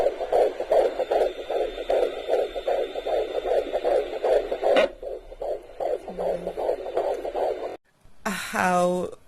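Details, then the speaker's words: Fetal heartbeat on Doppler ultrasound at a 15-week pregnancy dating scan with a midwife: rapid rhythmic whooshing pulses around 150 per minute, with a little kick at the end. "and ah you are about to see and about to hear my baby's heartbeat guys"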